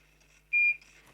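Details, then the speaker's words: Infusion pump training demo on removing air from the line without disconnecting the giving set: single short high-pitched beep in a quiet room as the pump advances air in the tubing out of the pump. "the alarm will be running it is asking if you want to advance air press yes and then Advance the"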